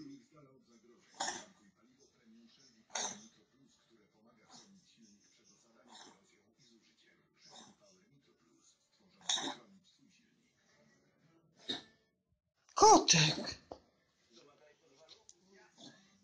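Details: Coughing episode in a cat, Dymka: a short run of sharp, dry, hacking bursts several seconds apart in a quiet room. Owner says this happens often, passes quickly, cause unknown; owner called it hiccups.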